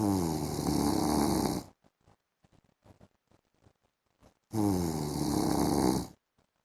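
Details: A husband snoring while asleep in the afternoon: two long, loud, rattling snores about three seconds apart, with quiet breathing and faint room sounds between them.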